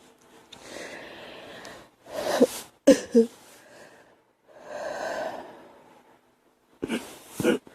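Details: Girl coughing: several short, harsh cough bursts separated by breaths, with a noisy intake between them.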